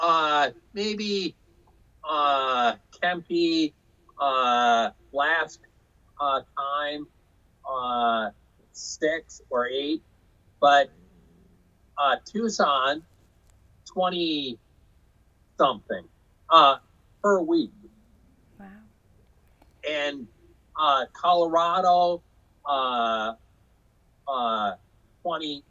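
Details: Aphasia in an adult man after a 2005 stroke caused by hereditary hemorrhagic telangiectasia (HHT); he says he had or still has aphasia and was told he would never talk again.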